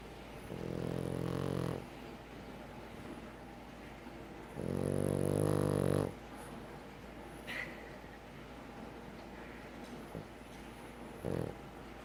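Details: French bulldog snoring while asleep: low, rumbling, fluttering snores, two long ones and a brief snort, in a quiet room.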